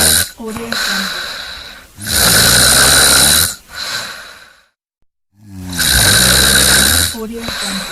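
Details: Snoring from a sound-effect collection: loud, rough, rattling snores with snorting breaths, at roughly 17 a minute; snoring.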